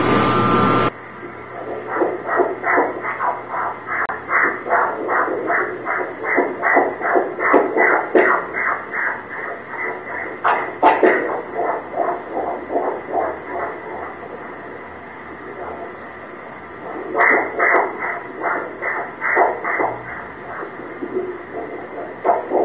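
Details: Fetal heartbeat at 24 weeks' gestation on transvaginal ultrasound Doppler: rapid rhythmic whooshing pulses at about 150 per minute with brief dropouts.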